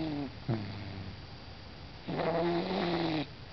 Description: Plump orange cat snores his heart out.